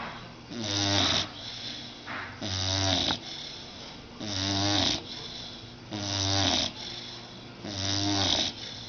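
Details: Blue nose pit bull, about 6 months old, sound asleep on a sofa after a bath: steady rumbling snores with a whistling edge, about 17 breaths a minute, each followed by a softer breath; snoring.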